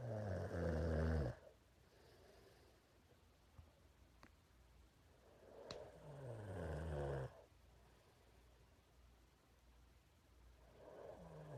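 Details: Nasal snoring during sleep in an adult man, a former reality-show contestant: loud, low, rattling snores on the breath in, about two breaths in eleven seconds, with quiet pauses between.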